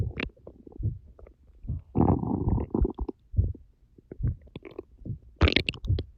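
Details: Stomach growling (borborygmi) after fasting 10 hours: low gurgling rumbles and bubbling squeaks; ordinary hunger bowel sounds.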